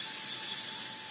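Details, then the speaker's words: Steady high-pitched hissing whine of a bone burr advancing under the microscope through a very narrow passage near the ear canal and brain covering toward the ossicles, during hearing-implant surgery for age-related hearing loss. "La progression est délicate, la fraise chemine dans un passage très étroit à proximité du conduit auditif et de l'enveloppe du cerveau."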